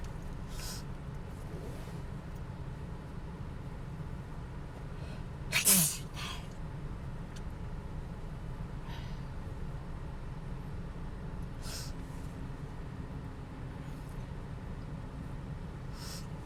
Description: Allergic attack in the car, many sneezes.